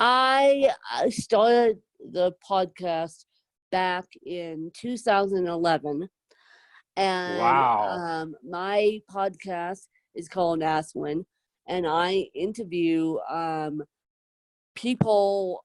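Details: Adult woman with moderate to severe cerebral palsy, needing help 24/7; dysarthria (cerebral palsy).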